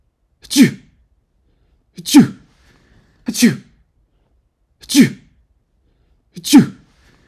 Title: Sneezing sounds (1 hour)